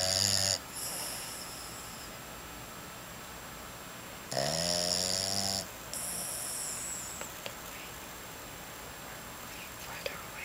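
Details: Loud, rough snoring with a whistling, buzzing quality, recurring with each breath, with quiet pauses between; heavy snoring.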